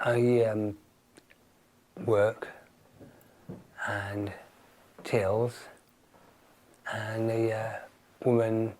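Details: Man with aphasia after a stroke, speaking in a conversation where his partner is not using supportive communication strategies; aphasia.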